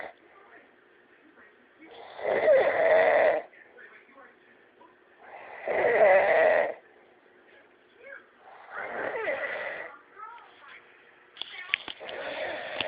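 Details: Man asleep after drinking, who fell asleep very fast; loud, rattling snores on each breath in, roughly every three to four seconds, quiet between; heavy snoring.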